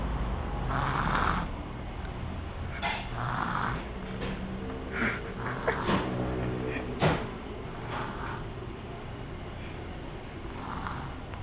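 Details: Snoring from a sleeping 1-year-4-month-old girl: low, rough snoring breaths with a few soft clicks and rustles over a steady background hum.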